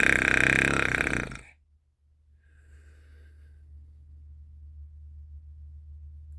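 One loud, long, rattling belch, followed by quiet room noise; a burp.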